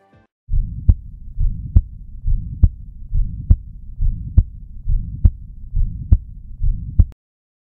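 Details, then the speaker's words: Ventricular septal defect: regular heartbeat about 69/min with a constant holosystolic murmur filling the whole gap between S1 and S2, heard with the stethoscope between the left fourth and fifth intercostal spaces. "to better appreciate the murmur place the stethoscope in between the fourth and fifth lift intercostal space and here's what it sounds"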